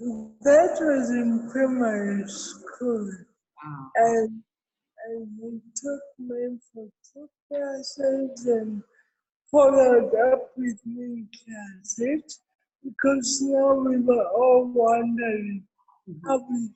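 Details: Real speech from an adult woman with cerebral palsy: dysarthria (cerebral palsy).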